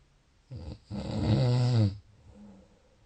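A deep, loud, rumbling snore on breathing in, followed by a softer breath out. Single snore during sleep.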